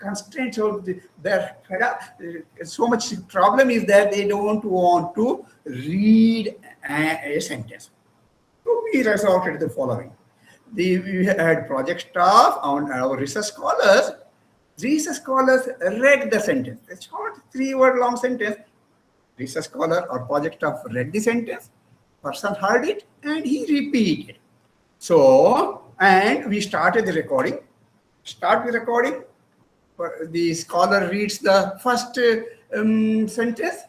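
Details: Adult male presenter; no speech disorder.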